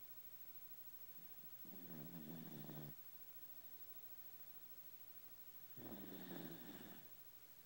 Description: My 14 year old JRT snoring.